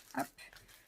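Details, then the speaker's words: French bulldogs and pugs, brachycephalic dogs that always snore and snort while breathing, heard in the background: snorting in a brachycephalic dog. "Ce sont mes chiens parce que j'ai des bulldogs français et des carlins. Donc, ce sont des chiens qui ronflent, qui reniflent comme ça, toujours, en respirant."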